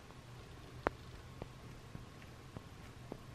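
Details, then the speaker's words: Five sharp clicks over about three seconds in a quiet room, one loud, rest faint: finger joint cracking in a young woman whose hand is swollen and whose joints feel loose. "en tiedä kuulitteko ton. Nää naksuu tosi paljon."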